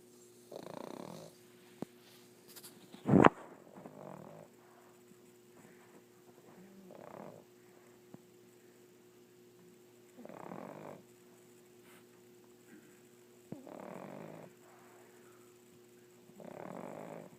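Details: Pug dog snoring in sleep: soft, rough snoring breaths every few seconds in a quiet room, with one brief louder knock.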